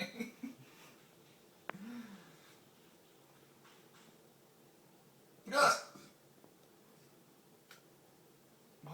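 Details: Person hiccuping and burping while buying movie tickets, complaining of chest pain; quiet room with a few brief voiced sounds and one loud, abrupt gulping burst, consistent with a hiccup.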